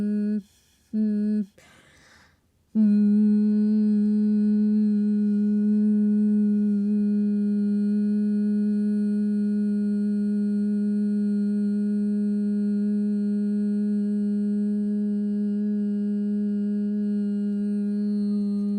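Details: Woman doing a humming physiotherapy voice exercise for severe neck muscle tension, mostly from anxiety, that makes her sound like she is losing her voice, not a vocal cord problem; she is also currently sick; humming voice exercise (semi-occluded vocal tract).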